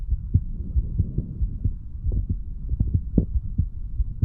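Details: Self-recorded heart of a 35-year-old standing male, stethoscope moved over the mitral, tricuspid, pulmonary and aortic valve areas, then the right ventricle area; low steady heartbeat about 94/min over a soft hum; normal heart sounds.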